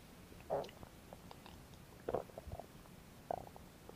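Gurgling bursts and squelches over a steady hiss, typical ordinary stomach growling from gas and fluid moving through the gut.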